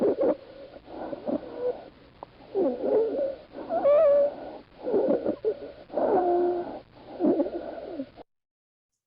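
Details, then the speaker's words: Harsh, high, crowing stridor on both inspiration and expiration, sounding distressed, from a narrowed upper airway. "so it's very distressing right so it in strider it happens in both the inspiration and expiration space"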